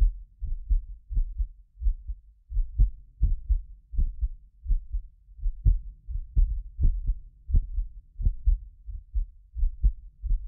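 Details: Heartbeat of a self-described medically fit person, recorded with several precision contact microphones for ASMR: steady low lub-dub; occasional doubled clicks come from a ~6 ms delay between microphones, not the heart; normal heart sounds.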